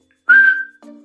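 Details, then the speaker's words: Short steady whistle through pursed lips imitating a wheeze, illustrating how narrowed bronchi shrink the airflow passage, in a teaching demonstration of lung auscultation sounds in intensive care; simulated, not a patient. "Si el bronquio se cierra va el diámetro disminuye y el flujo y el paso va a ser completamente pequeño, haciendo referencia como nosotros silvamos de esta forma."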